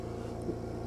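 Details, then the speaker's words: Philips Respironics EverFlo oxygen concentrator running while a handheld oxygen analyzer is connected to the oxygen outlet to check purity, during biomedical equipment training: steady low motor hum with faint whir, normal running. "So once we get the power tested, and what we have to do now is to turn on the unit to make sure that we got the power is on and the unit is running."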